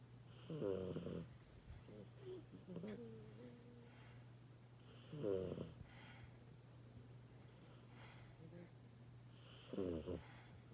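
Three rough, rattling snores about 4.5 seconds apart, roughly 13 breaths a minute, with quieter breathing between and a steady hum in the room.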